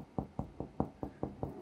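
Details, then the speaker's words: Chest percussion giving a resonant note: seven quick, hollow, drum-like taps over a normal air-filled chest, shown in contrast to the muscle-like sound of a chest full of blood with no air. "hopefully that sounds quite resonant, like a drum. But if it's full of like blood, it'll sound like a muscle. Because there's no air in it."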